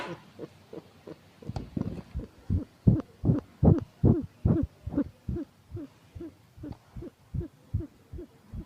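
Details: Bernie, a rescued Puspin cat, unwell and recently dewormed after vomiting worms, breathing fast and laboured with a low, hooting wheeze on nearly every breath; wheezing.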